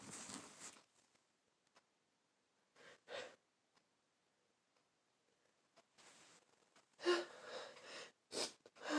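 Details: Adult with a full-blown cold caught over Christmas: several loud sneezes, some with a sharp intake of breath before them, separated by sniffs and quiet pauses, in a small room.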